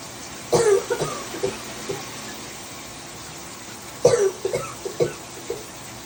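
Two short runs of coughing, each a strong cough followed by a few smaller ones, over steady background hiss.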